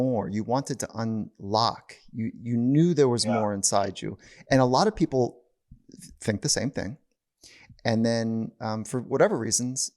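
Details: Adult male speaker; Normal conversational speech.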